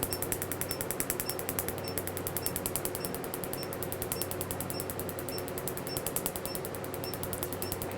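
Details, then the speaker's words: Q-switched laser firing steadily at about ten pulses a second over machine hum, during the first-ever treatment of a single-layer black tattoo (not a cover-up) after 30 minutes of topical benzocaine-lidocaine-tetracaine; the clinician aims for skin snapping, a crisp white spot and no pinpoint hemorrhages. "I can feel in the skin um the um snapping feel when you're really targeting the ink so my end points are a feel in the skin a crisp White Spot to see and uh no pinpoint hemorrhages"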